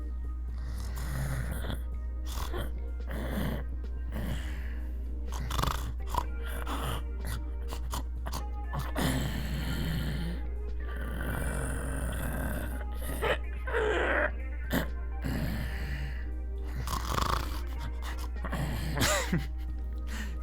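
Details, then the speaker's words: Imitated snoring: an adult deliberately imitates snoring while awake, making repeated rough, rattling inhaled snorts over a steady low hum. "go snore oh you want to hear snores now are we doing another Foley stream okay here this listen to this I can snore ready"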